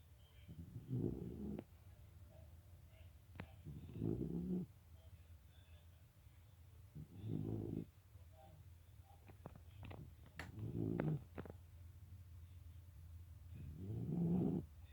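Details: Low, rumbling snores about every three seconds, around 19 a minute, with faint clicks between them; snoring.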